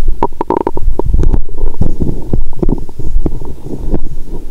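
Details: Woman's abdomen through a stethoscope after Christmas dinner with wine following a 22-hour fast, her period about to start. Loud, near-continuous gurgling and bubbling, rumbling all the time; active bowel sounds after a meal.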